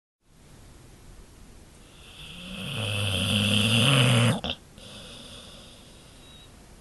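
A single long snore that builds into a loud, rattling low rumble before cutting off abruptly.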